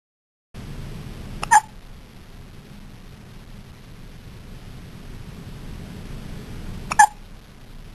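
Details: First hiccups: two sharp, brief hiccup sounds about five seconds apart against quiet room noise.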